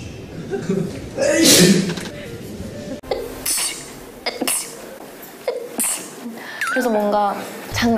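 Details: Compilation of K-pop idols sneezing: several short sneeze bursts mixed with talk, laughter and background music.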